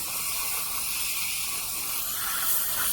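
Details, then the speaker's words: Surgical bur cutting bone around a deeply bone-impacted lower left wisdom tooth near the inferior alveolar nerve, under irrigation to avoid heat damage: steady high-pitched hiss and spray; bur drilling with irrigation. "And we must give adequate irrigation in order not to damage the bone by heat."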